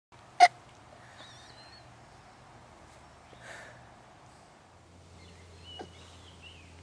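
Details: Lilly, who says she has no hiccups: one sharp, abrupt hiccup near the start, then quiet room noise with faint bird-like chirps and a possible softer second hiccup later.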